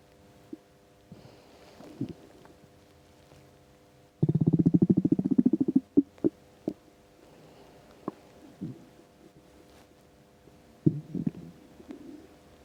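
Low gurgling rumbles and a long rattling growl with scattered pops: bowel sounds from an empty stomach, a normal finding.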